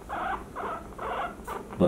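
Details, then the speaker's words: Young female guinea pig with loud wheezing and left-lung fluid on X-ray (likely traumatic pulmonary haemorrhage), checked for early pregnancy by abdominal thumb-and-fingers palpation: four short rhythmic squeals as belly is pressed; pain vocalization. "she's not very happy with it i can feel for thicker thicker lumps not the small fetus"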